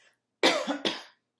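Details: Cough.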